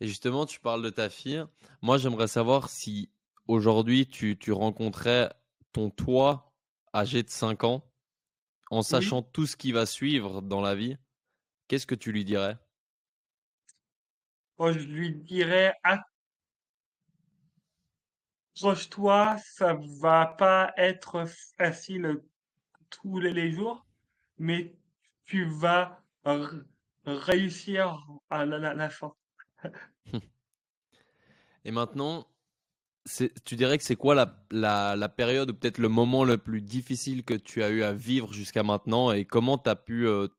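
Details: Adult male French comedian with stuttering since childhood, which he describes as part of him, more like an accent; stuttering.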